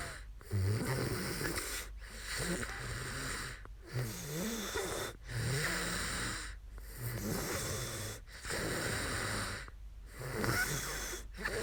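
Soft, rough, fluttering breath sounds in irregular cycles with short snorting catches between them, over faint background hiss: snoring.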